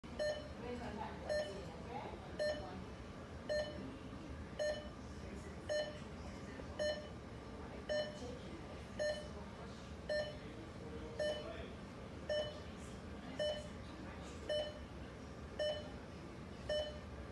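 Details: Regular short cardiac monitor beeps at about 55 a minute over soft room noise, recorded in an emergency room; pulse tone of a heartbeat monitor.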